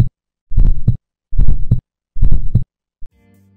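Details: Regular low heartbeats, about 71 a minute, with a rough murmur filling the gap between the two heart sounds; heart murmur.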